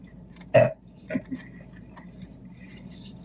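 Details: Burp during a mukbang eating show (chicken fingers, fries, Diet Coke): one loud, low, throaty burst followed by a smaller one, with quiet room noise.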